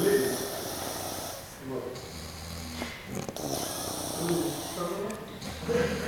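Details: Adult man asleep after drinking, snoring: rough, rattling breath noises with low fluttering vibration that come and go with each breath, with room noise behind.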